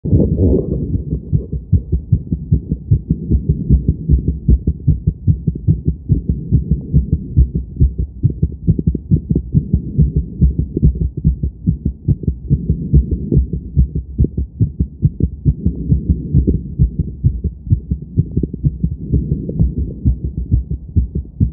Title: Quick Heartbeat After Some Exercise 🏃‍♀️🙌🏻